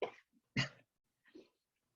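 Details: Hiccups in a child after drinking milk: three short, abrupt bursts with a sudden catch at onset, spaced under a second apart.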